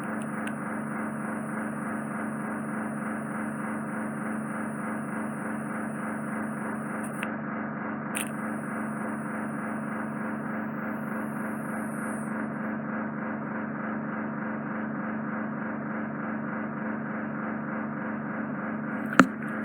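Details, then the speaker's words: Microsuction of impacted ear wax lying directly on the eardrum, attributed to cotton bud use; steady loud hissing, roaring suction noise with faint buzzing pulse as the probe contacts the eardrum; patient keeps still, eyes open, not dizzy. "I can't get any more out because I'm putting the suction probe on the eardrum. I can feel the eardrum, I can visually see it being sucked into the suction probe, so we don't want to cause any trauma there."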